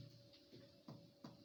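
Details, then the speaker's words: Three short, flat, dull percussion taps over the left axilla at the 6th and 7th intercostal spaces, contrasted with a resonant note; possible causes include consolidation, effusion, collapse or fibrosis. "فانا في ضنص عند السبيس رقم 6 والسبيس رقم 7. ايه سبب الضنص دوت؟"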